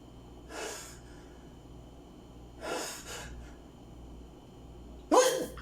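Two quick, breathy gasping inhalations, then a sudden sharp expulsive burst: the build-up and release of a sneeze.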